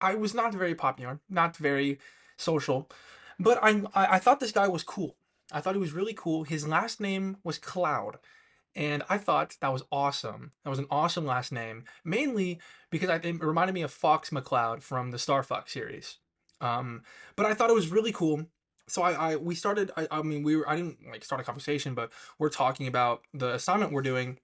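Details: Woman with a lisp and a stutter who finds speaking really hard; she reports improvement since starting unedited video diaries; stuttering.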